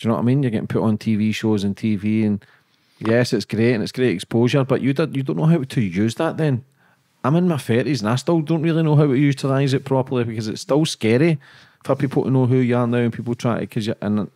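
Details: Adult man; plain speech.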